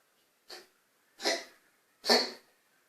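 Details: Cough linked to asthma in a small animal (kiddo): three short, dry, rising huffing coughs about a second apart.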